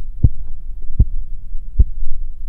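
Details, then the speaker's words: Three low, distinct thumps over a steady low hum, heard during cuff deflation in a blood pressure measurement while the manometer is read: Korotkoff sounds, phases 2 and 3, which are described as of no clinical significance. "in the following example please listen for the various phases of the crot cough sounds while you observe the reading on the monometer"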